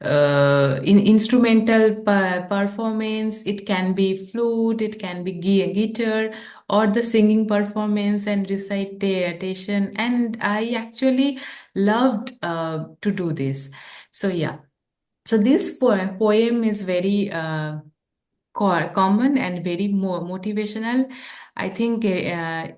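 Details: Adult woman who stammers, a real speaker who practices yoga and deep breathing, speaking English while translating a poem; stuttering.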